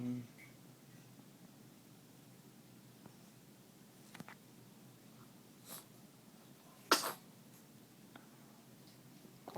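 A single sharp, explosive sneeze stands out against a quiet room, with a few softer breath sounds around it.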